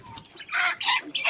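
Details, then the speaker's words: 27–28-day-old broiler chickens (1700–1800 g, ~100 of 2700 dead) with a cold, nasal discharge and breathing difficulty, under medication, giving short harsh hissing bursts; respiratory snicking/rattling, suspected infectious bronchitis or mycoplasma. "একটু ঠান্ডা লাগছে মুরগি গুলো খুব খতখ শব্দ করতেছে তো এই মুরগিগুলোর ক্ষেত্রে ওষুধ ব্যবহার করতেছে"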